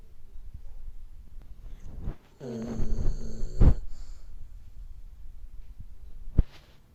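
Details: Snoring from an old, overweight dog.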